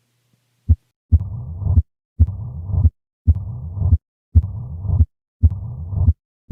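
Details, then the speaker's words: Mitral stenosis murmur: low-pitched diastolic murmur from a relatively constant left atrial to ventricular pressure gradient, with presystolic accentuation from the atrial kick. "and here is mitral stenosis here there is a relatively constant pressure gradient between the left atrium and left ventricle with the exception of a pre systolic accentuation which is the consequence of the atrial kick"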